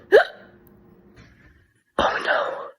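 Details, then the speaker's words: Sharp voiced hic, pause, then breathy rush of air; hiccups in a college student, lasting about 15 minutes and then stopping, advised to see a doctor only if lasting over 2 days. "Only if hiccups last more than 2 days, then we see a doctor."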